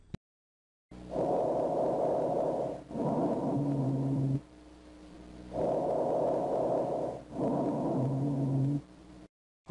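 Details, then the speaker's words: EMS teaching example of rhonchi, a continuous, low-pitched, snoring-quality rattling lung sound often heard in pneumonia, at about 14 breaths a minute. "Rocka is another one a lot of times patients that have pneumonia you're going to be hearing these sounds again a continuous lung sound lower pitch and more of a snoring sort of quality so let's take a listen here of some Ron Kai's breath sounds and you can get an idea what this sounds like as well"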